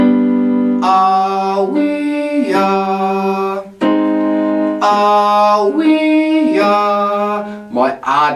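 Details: Acute laryngitis in a male singing teacher, who had complete voice loss for one day and is recovering over seven days; hoarse voice with register breaks on a true-voice-to-falsetto scale, which he says feels scratchy.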